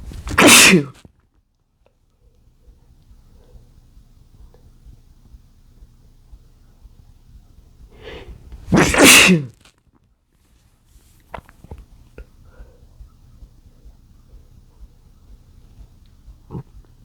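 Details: Male trying to stifle sneezes from chikni sneezing powder: two sharp, forceful sneezes about eight seconds apart, the second after a short indrawn breath, faint sniffs and rustling between.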